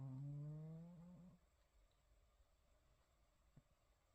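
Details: Sleeping cat snoring: a single low, rattling snore fading into quiet breathing.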